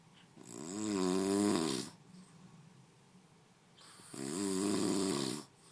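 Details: Man snoring in sleep: two long, rattling, voiced snores on breathing in, with quiet pauses between; ordinary snoring.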